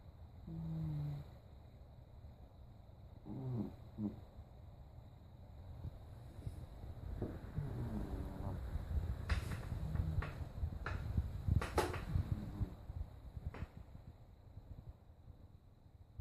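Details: Pet cat snoring: soft, low snorts and snuffly breaths with some background rustling and clicks. Light snoring.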